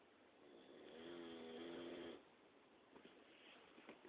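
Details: Julez, a dog, snoring at night: one long, buzzing, rattly breath-in snore lasting about a second, then quiet breathing with small clicks; snoring.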